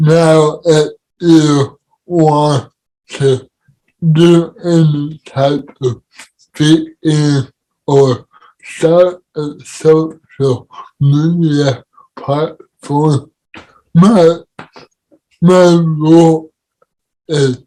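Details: Adult man with cerebral palsy; dysarthria.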